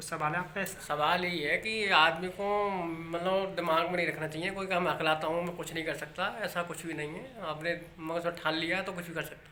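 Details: Adult man speaking Hindi; no speech disorder.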